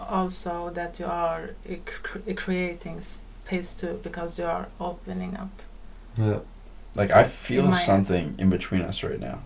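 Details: Man who says he stutters: stuttering.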